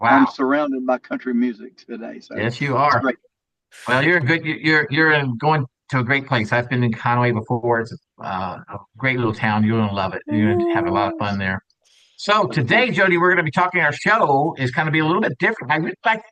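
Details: Adult man speaking; typical speech.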